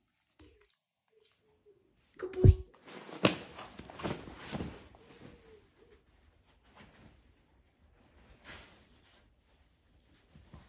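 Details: Rescue dog sneezing while sniffing a snuffle toy for biscuits: a single sharp dog sneeze followed by snuffling and sniffing noises in a quiet room.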